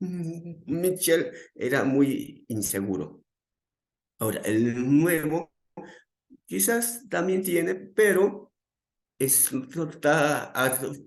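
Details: Adult male psychologist who stutters, with onset around age 7 that became more noticeable around age 11, describing his stuttering as uncontrolled on the day of this talk; repetitions are heard; stuttering.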